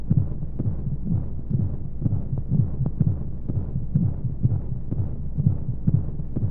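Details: Womb sound played as a baby sleep aid with white noise: soft, muffled, regular low heartbeat thumps at roughly 125 per minute under a steady hum, as heard from inside the womb.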